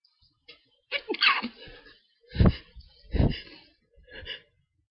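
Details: Hay fever (allergic rhinitis) sneezing at night that kept the person from sleeping, with an itchy, tickly nose: a run of three to four forceful sneezes in quick succession in a quiet room.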